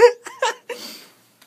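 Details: Person in a recording studio during a break: a few short, sharp vocal catches close together in a quiet room, each ending abruptly; others suggest holding the nose and swallowing ten times as a remedy; hiccups.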